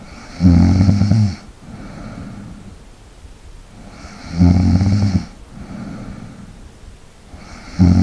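Loud, deep snores about every three and a half seconds, with quieter breathing between them, about 15 breaths a minute. Ordinary snoring.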